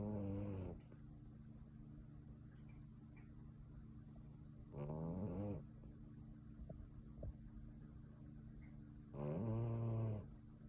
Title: You ever hear a Puppy SNORE like this?